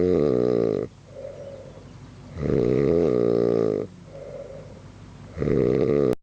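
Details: Sleeping man whose snoring keeps others up all night: loud, rumbling snores on each in-breath with softer out-breaths between, about 20 breaths a minute; snoring.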